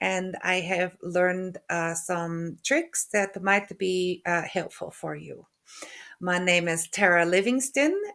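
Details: Woman with aphasia after a stroke, also with functional neurological disorder; halting speech with hesitation between words, word-finding difficulty (anomia) and stuttering; aphasia.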